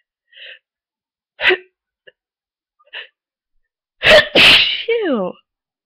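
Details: Sneezing from someone with a cold who woke from a long nap sneezier and stuffier, with a constant tickle, buildup and false starts: a few short breathy catches, then a sharp sneeze burst and a brief vocal sound.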